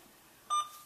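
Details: Infusion pump keypad beep during a demonstration setup of a normal saline infusion ordered at 100 mL/h for dehydration, as the IV fluid option is selected in the guardrails menu: a single short electronic beep, routine device feedback.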